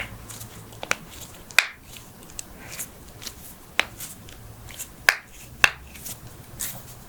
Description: Head-To-Toe Joint Cracking Compilation! ASMR Popping Sounds** Knuckles, Backs, Necks, Toes, Ankles, Hips, Wrists, Jaws, and More!